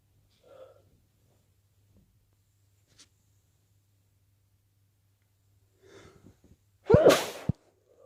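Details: Quiet breaths build to one forceful sneeze with a sharp explosive release, on day 2 of a cold with sneezing and nose blowing.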